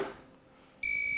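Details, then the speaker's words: LVAD controller red heart, immediate-priority alarm from a disconnected driveline, a life-threatening situation: steady high-pitched continuous tone starting abruptly. "Red Heart alarms are immediate priority alarm something there's a life-threatening situation happening"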